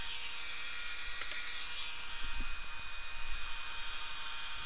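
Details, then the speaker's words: Steady high-pitched whine of a dental drill at about four power on a model tooth, full crown preparation of tooth number 30 for occlusal reduction starting at the gingiva, with low room rumble. "again i go to about four power on the hand piece two clicks to the right and turn my suction on"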